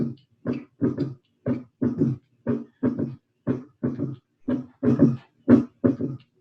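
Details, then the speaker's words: Third heart sound (S3), played for comparison with a fourth sound: a regular heartbeat with an extra soft low sound just after the second sound, giving a galloping three-part rhythm. "A câmara cardíaca aumentou de tamanho, muito volume. Aumento de volume. Terceiro ruído."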